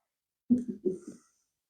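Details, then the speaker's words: A sleeping dog snoring in the background: a brief, low, fluttering rumble of about four pulses, an ordinary snore. "T Bailey snoozing away if you can hear him in the background that's just him"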